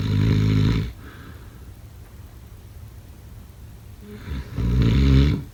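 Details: Typical snoring during sleep: two loud, low rattling snores separated by a few quiet seconds.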